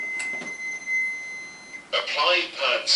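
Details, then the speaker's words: AED voice prompt during a CPR and AED training demonstration, after the defibrillator is switched on and the pads connector plugged in: a steady electronic tone, then a recorded voice instructing the rescuer to place the pads. "as you can see it's talking to me it's telling me what i need to do"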